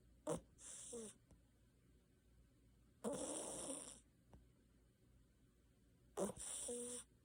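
Three breathy, hissing snore sounds spaced a few seconds apart in a quiet room, each with a brief nasal snort.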